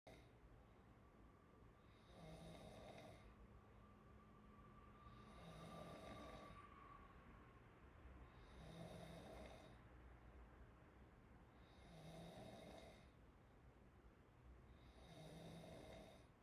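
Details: Chinese girl snoring with open mouth: soft, regular snoring at about 19 breaths a minute, each breath a gentle rattling rush of air.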